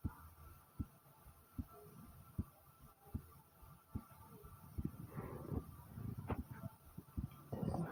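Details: Pounding heartbeat, steady and strong at about 75 beats a minute, with gurgling stomach growls in the second half; the stomach growled twice during the recording, a first for this person.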